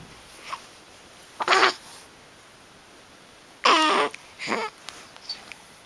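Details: Animal in the morning, also sneezing, grunting and sticking out its tongue: two loud nasal honking snorts with a few faint snuffles in a quiet room.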